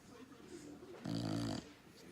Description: Olds English Bulldogge enjoying her afternoon nap... snoring.